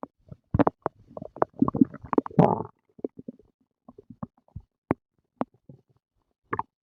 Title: Stomach growling and gurgling after breakfast